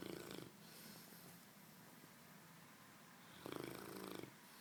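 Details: Puppy in a deep sleep, barely opening its eyes: soft, rattling, purr-like snores about 3.5 seconds apart over a quiet hiss; gentle snoring during sleep.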